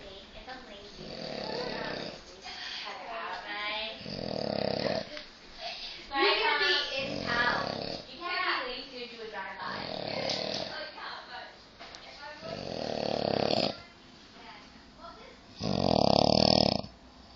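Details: Loud, rough, fluttering snores alternating with quieter breaths, about twenty breaths a minute, from a male asleep and drooling on a couch; snoring during sleep, recorded on an Android phone.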